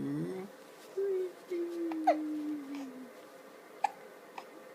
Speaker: morning hiccup jumps did the camera scare the hiccups out of you no no it did not